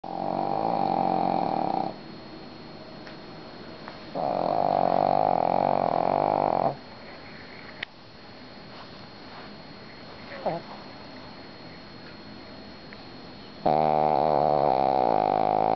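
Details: Shih Tzu sleeping: loud, nasal, buzzing snores with quieter breathing between them; snoring.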